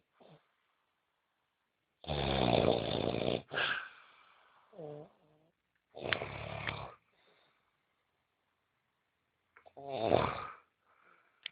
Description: My Friend snoring did not let me sleep the whole night....